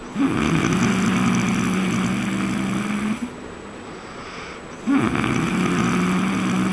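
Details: Person sleeping on a trip to Raigad: two loud, long, harsh rattling snores split by a brief quieter breath; heavy snoring.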